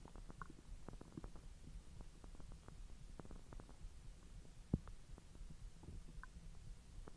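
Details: Bowel sounds (borborygmi) after eating hotdogs following a 10-hour empty stomach: quiet low rumbling with frequent soft clicks and gurgles over background hiss during digestion.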